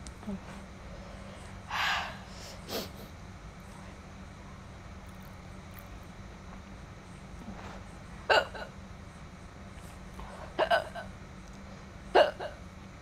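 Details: Girl eating food with chilli burning her lips, hiccuping: several sudden, short, catching hiccup sounds spaced irregularly over steady background noise.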